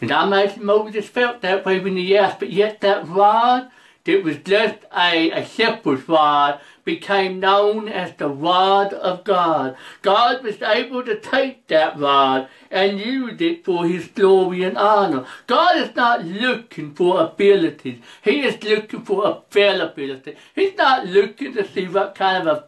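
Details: Adult preacher who reports a speech impediment, along with other disabilities including trouble seeing and hearing and being unable to drive; speech impediment.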